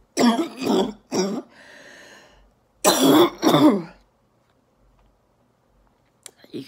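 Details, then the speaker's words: Adult female orthopedic surgeon recovering from COVID-19 at home: several harsh, wet throat-clearing coughs in two bursts during a sudden choking coughing fit. It is a productive cough clearing a mucus plug. "sweaty that's coughing up a mucus plug is an aerobic sport of the trachea apparently"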